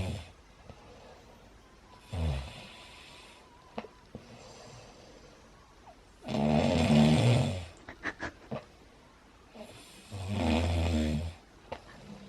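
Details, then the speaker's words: Adult man snoring during daytime nap beside a new Bengal cat: loud, rough, rumbling snores on each in-breath with quiet gaps and faint room noise; heavy snoring. "너무 시끄럽지? 놀랄 정도로 시끄럽지? 졸린데 자지 못하지?"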